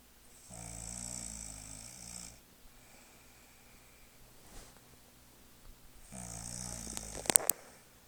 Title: Snoring mother